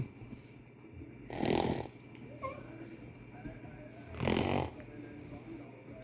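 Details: Cockapoo snoring: two loud, harsh snoring breaths about three seconds apart over room noise.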